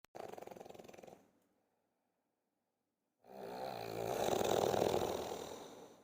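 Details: Human snoring: rough, fluttering snores, a short one, a pause of about two seconds, then a long, loud rattling snore on the breath in.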